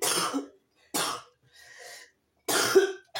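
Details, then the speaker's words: Three harsh coughs with a faint breath between, part of a sudden coughing fit ("quinte de toux"). "Heureusement que j'ai mis sur pause parce que j'ai une quinte de tout. Terrible."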